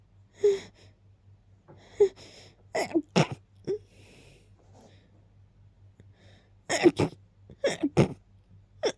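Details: Rapid series of sneezes, some preceded by short indrawn build-up breaths, several in quick succession, after smelling lilies and keeping them nearby; sneezing.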